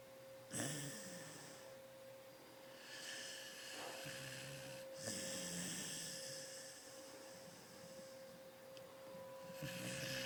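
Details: Sleeping dog at an office, described as snoring really loud: soft, uneven snorting breaths about 13 a minute over a steady background hum; snoring.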